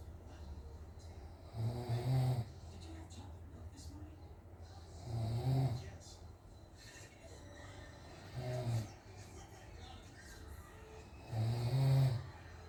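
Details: Father asleep, snoring, filmed by family because he doesn't believe he snores: regular deep, vibrating snores on each in-breath about every 3.5 seconds (around 17 per minute), with quiet pauses.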